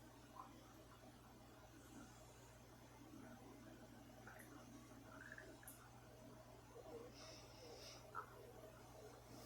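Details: Rocko's hungry stomach growling: faint, brief gurgles and squeaks over a steady low room hum.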